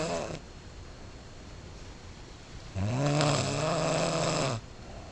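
One long, low, rattling snore on an in-breath after a quiet pause, with faint room noise.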